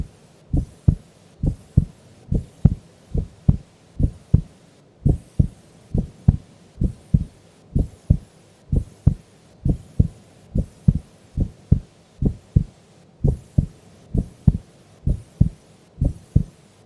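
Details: Female sleeping during an afternoon nap: crisp paired lub-dub beats, steady at about 67 a minute, no extra sounds; normal resting heart sounds.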